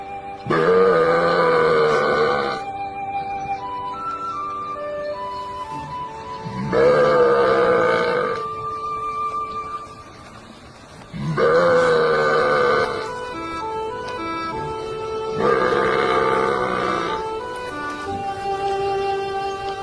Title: Funny guy Burping At Cows